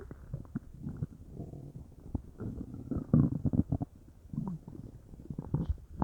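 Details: Bowel sounds (borborygmi) from a belly that felt bubbly, stomach or intestines unsure: irregular gurgling, bubbling and rumbling of gas and fluid moving through the gut.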